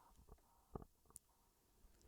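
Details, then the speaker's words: Stomach rumbling (borborygmi) picked up by a microphone while a person talks and apologizes for it; the person mentions ongoing stomach issues. Quiet low gurgles and brief bubbling pops in a small quiet room. "If you can hear my stomach rumbling, I am so so sorry."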